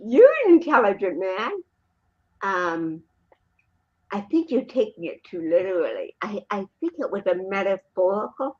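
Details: Adult female born with cerebral palsy in 1956. Dysarthria due to cerebral palsy.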